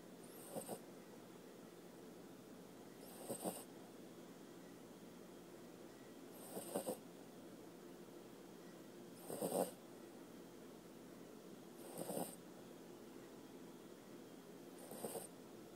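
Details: Sleepy puppy snoring: soft, brief snoring noises about every three seconds, roughly 22 a minute, against a quiet room; snoring during sleep.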